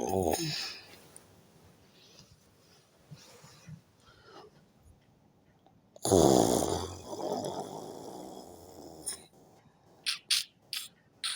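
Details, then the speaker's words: Adult woman asleep in a hotel room snoring loudly with rattling snores, quieter breathing and clicking noises; recorded on a phone by her husband, she denies snoring. "Now I'm using this phone voice recording so that you guys will hear how she snore like a pig. My wife dey snore like a pig."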